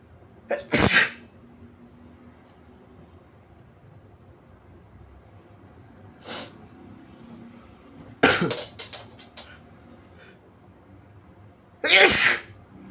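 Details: An adult inducing sneezes with paper tissues while trying to hold them back: four forceful, wet sneezes, one followed by quick sniffs, in a quiet room.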